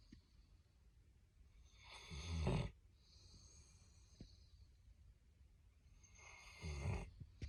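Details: Snoring during sleep while cuddling with a Labrador Retriever: two low, fluttering snores about four seconds apart, with quiet breathing between them.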